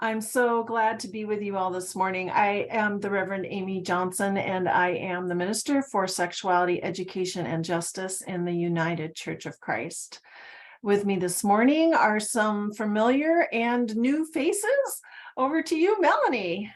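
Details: Adult woman speaking; Normal voice.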